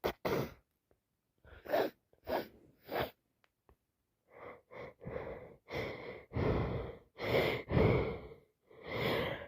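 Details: Adult with a worsening cold at work: series of wet, breathy sneezes and forceful nose-blowing bursts.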